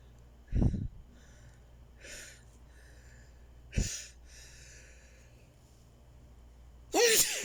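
Three forceful sneezes in about seven seconds, each a sharp burst with a quick intake before it: a run of repeated sneezing.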